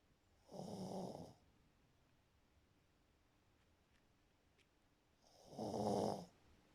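Two rough, rattling breaths about five seconds apart, with quiet between them: snoring.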